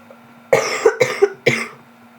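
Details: A short run of three or four loose, harsh coughs in quick succession in a quiet room, from a sick girl who says she was throwing up.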